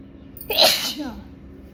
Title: Sneezing And Nose Blowing Challenge Part 18😂😂